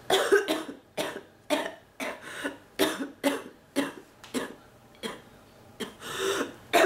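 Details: Adult woman, sick with non-stop cough and bark, fighting off an illness; run of about 13 harsh coughs in quick succession with short gaps; persistent coughing fit.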